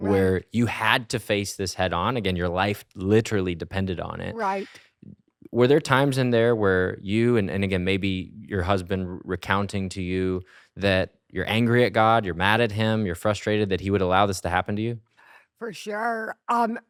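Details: Adult male speaker; normal speech.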